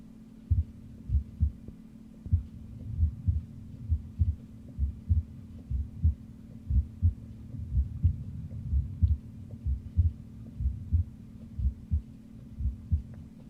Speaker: together S1 and S2 create the classic lub dub heart sound which I will play a recording of now courtesy of teaching heart auscultation.com you will not hear any S3 or S4 Gallop in this recording